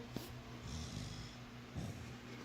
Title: Nugget snoring